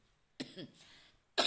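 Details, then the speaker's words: Cough from a person who is unwell with a cough and cold (batuk pilek). "halo halo guys lagi kurang enak badan nih batuk pilek melanda jadi interaksinya juga kurang nih guys"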